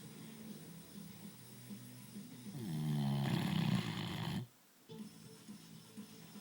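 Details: A single long, loud, fluttering snore from a sleeper having a good sleep, with soft music in the background: snoring.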